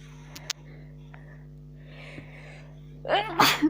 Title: Cold sneezes :(